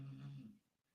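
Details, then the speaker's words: Great Dane puppy snoring in the background of a recording: snoring. "is that snoring that is my great Daye puppy snor sing that's oh my gosh I wish you could see it he is snoring"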